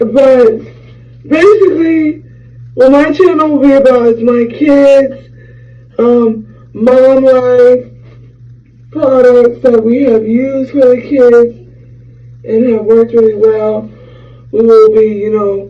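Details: 26-year-old woman who had a hemorrhagic stroke from a ruptured brain aneurysm 6 days after giving birth to twins, with right-side paralysis; she lost speech and had to relearn talking; post-stroke speech impairment.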